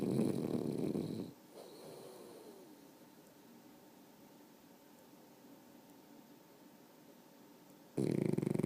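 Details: Snoring during sleep: loud rattling snore at the start and end, with quiet breathing between.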